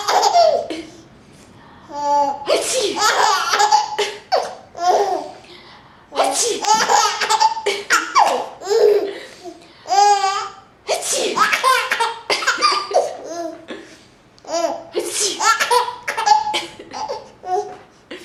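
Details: Imitated sneezes: an adult makes repeated playful fake sneezes, each followed by a baby's bright laughter; not illness.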